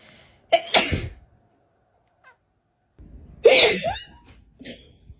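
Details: A person sneezing near their cat: two loud explosive human sneezes, each a sharp intake then forceful expulsion, with brief quiet between.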